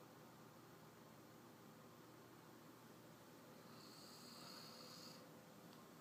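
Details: Steady low rumbling breath noise throughout, with a brief high hiss near the end; snoring.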